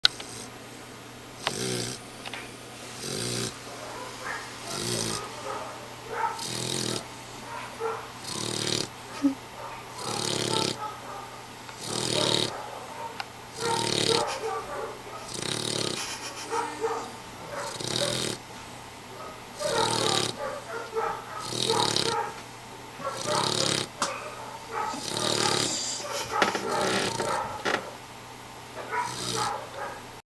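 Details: Snoring from a dog, Lexee: steady loud, rasping breaths in repeated bursts over a quiet room.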